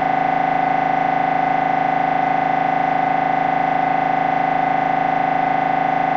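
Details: Loud, steady buzzing drone with rapid regular pulsing from an MRI scanner running a brain scan sequence; a downloaded sample recording of normal scanner noise.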